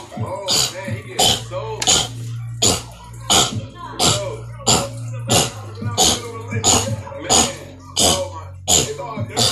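Rapid, fairly regular short coughs and throat-clearing bursts, about 88 a minute, over a low hum; repetitive vocal tics of Tourette syndrome.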